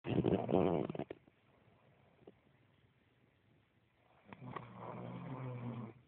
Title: snore of death